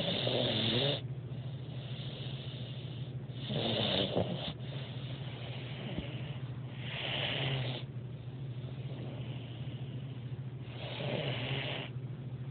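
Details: Dog (Mia) snoring while asleep: four rasping breath sounds over about twelve seconds, roughly 20 breaths a minute, with a steady low hum behind.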